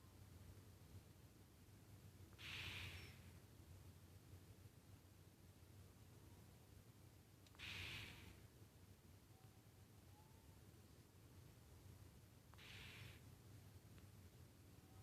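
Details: Three slow, noisy, rasping breaths about five seconds apart, roughly 12 a minute, over a low room hum; snoring during sleep.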